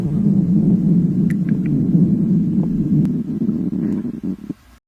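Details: Low, drawn-out rumbling gurgle that fades out at the end: hunger stomach growling (borborygmi) from a girl whose company meeting runs past noon, in a staged scenario.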